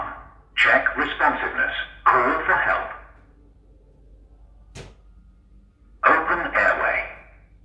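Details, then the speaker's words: Working AED switched on without pads attached: a recorded voice announces a passed self-check, then prompts to attach defibrillation pads to the patient's bare chest; a demonstration of a user check on a good unit. "check reading attach defibrillation add to patients bare chest okay so it's going to sit there at that point at the cycle in fact I'm going to turn it off because it's going to keep prompting me to attach the pads"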